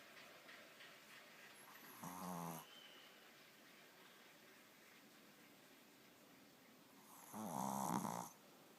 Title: Snoring shih tzu (Archie)